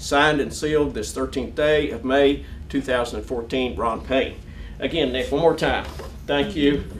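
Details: Adult man; fluent speech.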